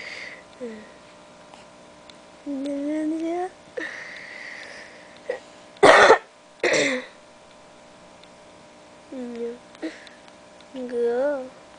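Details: An infant boy sneezes, heard as sharp noisy bursts in quick succession among soft baby vocal sounds; sneezing.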